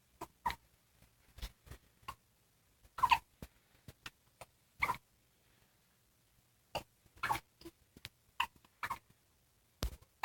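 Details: Brief, sharp, quiet clicks, some in close pairs ("double hiccups"), recurring irregularly over ten seconds with gaps between; a run of hiccups.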